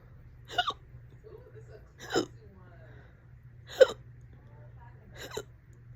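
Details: Fast, loud hiccups, present for about 30 minutes and on and off all day: four abrupt, loud hiccups over six seconds, each a sharp gulping catch of breath at a steady pace; persistent hiccups.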